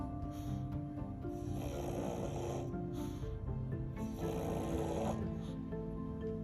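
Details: Pug, a flat-faced breed with a smooshed snout, napping: repeated snorting, rattling snores over background music; snoring.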